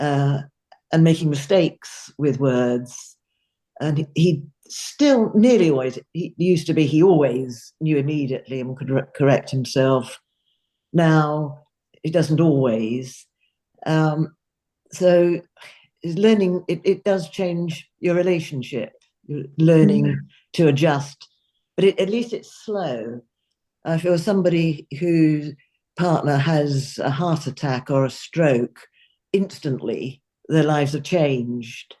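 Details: Adult speaker; ordinary fluent speech.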